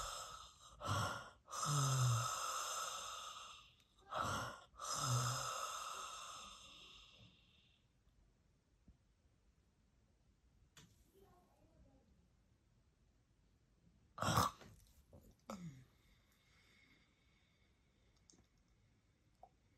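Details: A hospice patient in the actively dying phase, recorded for real, takes two long, noisy breaths with low voiced moans, then pauses about seven seconds before faint breaths resume: end-of-life breathing with pauses and rhythmic moaning.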